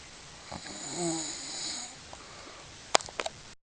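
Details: A single drawn-out, rattly snore on the in-breath, then quiet with a few small clicks: ordinary snoring.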